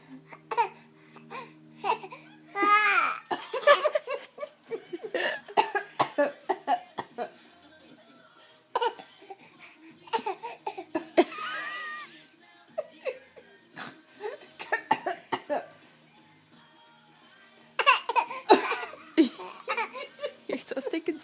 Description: 4 month old son copying us when we fake cough